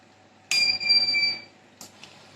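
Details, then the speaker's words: Single high electronic beep, then faint clicks, as a Nidec Uno 10 (10 LPM) home oxygen concentrator is switched on and starts producing oxygen; normal power-on beep. "So by switching it on, your machine will get on and it will start to produce oxygen."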